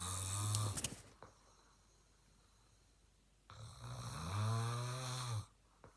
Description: I recorded my dad while he was asleep and he was snoring kinda loud!😂😂😂